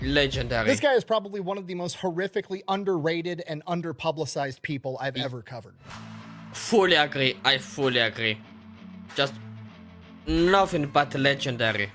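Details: Adult male speaker; normal voice.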